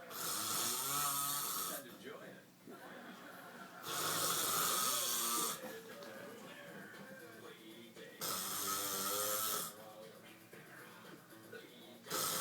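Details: Husband snoring in sleep: loud, harsh, rasping snores about every four seconds, roughly 15 breaths a minute, with softer voiced outbreaths between.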